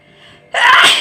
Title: nose sneezing challenge video part-2